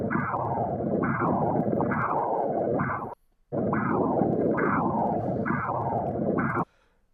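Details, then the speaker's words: Pulsing whooshing Doppler signal about 60 per minute with steady flow continuing between beats: normal antegrade, low-resistance renal artery flow perfused through both cardiac phases, on abdominal ultrasound Doppler. "también en el caso de la arteria renal nosotros tenemos un flujo anterógrado También necesita ser irrigado durante ambas fases del ciclo cardíaco por lo tanto tiene un flujo de baja resistencia"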